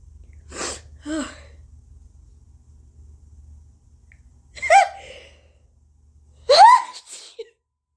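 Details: Three loud sneezes from an adult, each after a rising gasp, with quiet breathing between; allergy sufferer with congestion, an itchy, irritated nose and throat, and cough for several days; sneeze.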